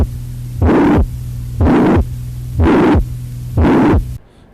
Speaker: It's not diamond-shaped. It's holosystolic murmur or pansystolic murmur, frequently heard in ventricular septal defect or mitral regurgitation.